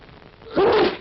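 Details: A single sharp, explosive sneeze, building briefly then bursting out, into a handkerchief as instructed; staged sneeze in a 1948 public health information film on coughs and sneezes spreading disease.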